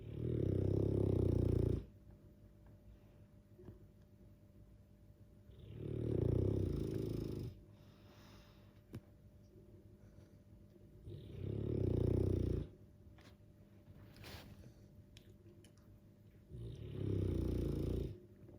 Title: Dogue de Bordeaux - sleeping and snoring beauty.